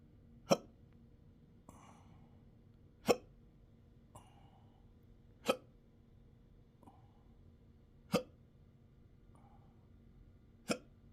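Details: Person with intractable hiccups since December 2015, with choking spasms, belching and developing achalasia III, in 12-hour daily episodes. Sharp hiccups about every 2.5 seconds with small gulping sounds between.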